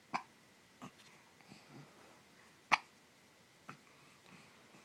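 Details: Hiccups in a 4-month-old baby girl: four or five brief, sharp hiccup sounds about a second apart in a quiet room.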